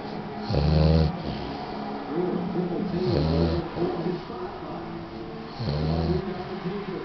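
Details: Snoring: loud, low, fluttering snores on the in-breath, three in seven seconds, with softer whistly out-breaths between.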